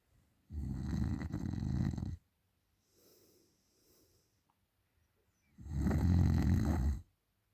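Two long, loud, rumbling snores on the breath in, with soft breaths out between; ordinary snoring.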